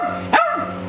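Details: One loud strong bark from a 16-year-old male Jack Russell about 12 hours after dental scaling under anaesthesia (rotted lower cheek teeth, ulcerated left jaw gum), fully awake and back to normal.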